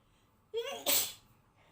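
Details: Sneeze during a Covid-19 PCR nasal swab test: a brief indrawn breath, then one sharp, loud sneeze set off by the swab.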